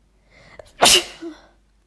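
A single forceful, wet sneeze after a brief breathy lead-in, set off on purpose with a nasal irritant powder.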